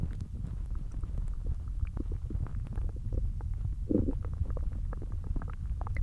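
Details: Hungry belly noises: continuous low gurgling and rumbling with a louder bubbling gurgle midway from an empty stomach; normal hunger growling (borborygmi).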